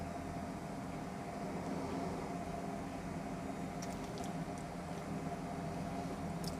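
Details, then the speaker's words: Anfly automatic upper-arm blood pressure monitor, cuff on left arm at heart level, seated adult, reading 129/82: steady low motor hum of the cuff pump running its measurement cycle, quiet room. "So I'm going to go ahead and, turn it on and press the start stop. Here it goes. So it's going right now."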